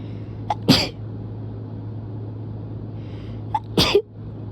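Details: Two sharp, explosive sneezes about three seconds apart, each with a brief catch of breath before it; sneeze.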